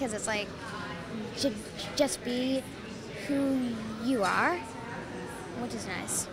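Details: Client receiving specialized speech therapy for stuttering, now focused on accepting the stutter and letting herself stutter rather than fighting it; stuttering.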